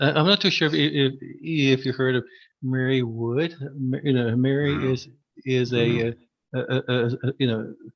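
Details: Adult man who stutters, formerly severe and covert with secondary characteristics: stuttering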